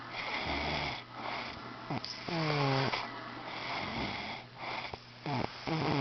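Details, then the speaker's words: Adult man snoring in sleep: loud, rough breathing noises with rattly, gliding tones in irregular bursts over a steady background hum. "hey just wanted to get a video of bua snoring so he can see how loud he snores and how annoying it is and how I can't go to sleep until he stops snoring which is never"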